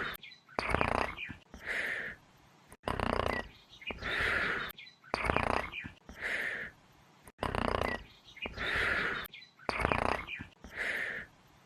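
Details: Simulated video game sound effect of the Bubba Bubbaphant character (Smiling Critters, Poppy Playtime 3) snoring: looped rattling in-breaths alternating with hissy out-breaths, about five cycles.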